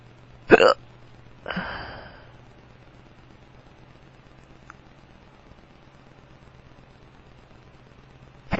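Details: Powerful hiccups in a drunk man, painful to his tummy: a sharp hiccup followed by a shorter vocal sound, quiet, then another abrupt sound.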